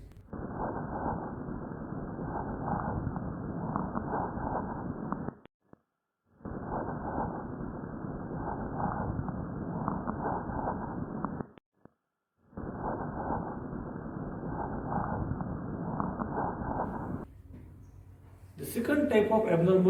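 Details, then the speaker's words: Tubular bronchial breathing heard on auscultation over consolidation: harsh, hollow, tube-like, higher-pitched than normal bronchial breath sounds, in long blowing phases. "so this tubular sound is always high pit sound than normal bronal sound and on escalation it appears like"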